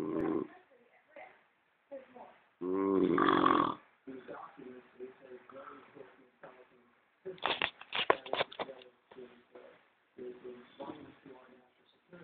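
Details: Brother snoring, apparently hungover: one loud, rattling snore stands out among quieter, breathy, irregular sleep noises in a small room.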